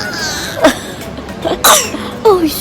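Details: Six-month-old baby girl fakes coughing to catch her mother's attention: three or four short, deliberate cough-like bursts, some ending in a little voiced squeal; voluntary (fake) cough.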